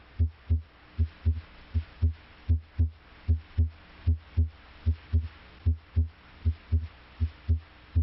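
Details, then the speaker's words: Normal heart sounds: steady paired lub-dub beats at about 75 a minute, S1 from mitral valve closure and S2 from aortic valve closure, with systole between S1 and S2. "closure of the heart valves creates a pair of audible heart sounds the first sound s1 arises from closure of the mitral valve"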